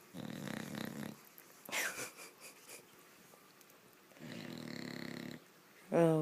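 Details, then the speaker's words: 7-month-old bulldog puppy (Kora) snoring loudly while asleep in the middle of a bed, not waking even when shaken; two long, rattling, low snoring breaths with soft snuffles between. Snoring. "can you anybody sleep with this snoring and she's in the middle of my bed snoring like that kill me watch even when she's shook she doesn't wake up can you stop snoring"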